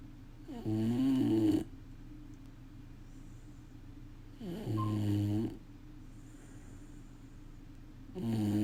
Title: Snoring dog หมาโกรนโครตดัง